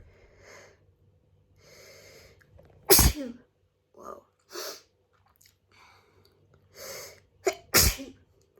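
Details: Repeated messy hay fever sneezing: several breathy intakes, then two loud, explosive sneezes with softer sniffs between them.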